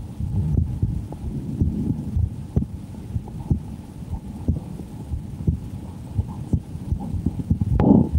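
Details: Two adult women take turns listening with a stethoscope to share their heartbeats: steady, regular low thumps at about 60 to 65 a minute under a soft rumbling hum, a normal resting heartbeat.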